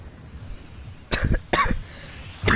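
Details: A girl who says she is sick, coughing repeatedly and clearing her throat while gaming: three short, harsh coughs in quick succession over quiet room noise.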